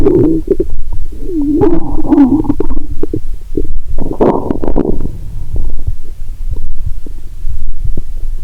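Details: Loud gurgles, squeaks and bubbling rumbles over a noisy, scratchy background, through a stethoscope, lying down after cola with Mentos; no sloshing or popping, perhaps too much liquid: active bowel sounds.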